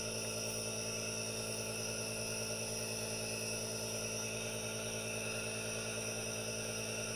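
Steady hiss with a constant motor hum, unchanging throughout; an aerosol nebulizer running continuously.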